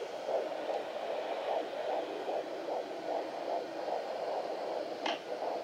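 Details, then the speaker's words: Fast, muffled, whooshing fetal heartbeat through static, about 150 bpm, recorded with a home doppler and ultrasound gel in the first trimester of a pregnancy after a previous miscarriage; faint but rate detectable. "as you can see it's still like faint and kind of muffled but it works and you can hear it and it definitely picks up the beats per minute"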